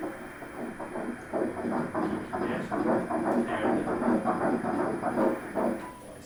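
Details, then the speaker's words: Fetal heartbeat on Doppler ultrasound at 7 weeks 1 day, embryo about 1 cm: rapid, rhythmic whooshing pulses about 154 per minute, a normal early fetal heartbeat. "Vamos escutar o coraçãozinho. Só vamos escutar o coraçãozinho certinho aqui. É o coraçãozinho. Batendo o coração."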